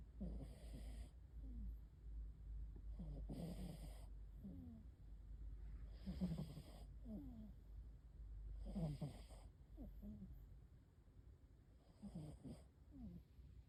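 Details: Soft, regular snoring from a sleeping cat, about 22 breaths a minute, each with a light snuffly rattle.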